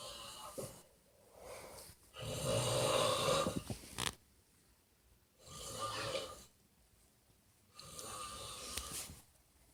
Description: Probably the loudest snore ever...